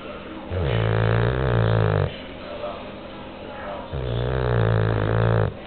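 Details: Bulldog, described as stressed out, snoring: two long, low, buzzing, rattling breaths separated by quieter exhalations, loud short-nosed dog snoring.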